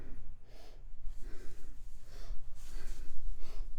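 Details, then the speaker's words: Adult whose lungs are affected by cancer, wheezing badly and struggling to catch breath after a simple walk in the backyard, still wheezing while talking: laboured breathing with wheeze. "you can hear me wheezing pretty bad in the videos I was just struggling to catch my breath you can hear while I'm talking right now actually"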